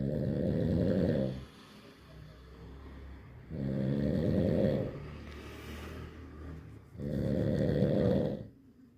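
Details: Loud, buzzing snores on each in-breath at about 17 breaths a minute, with softer out-breaths between; snoring.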